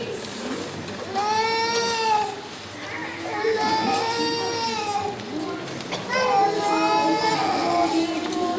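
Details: Infant crying during a Batak women's choir performance at a church service: repeated high-pitched infant cries in bursts, with room noise and voices in the background.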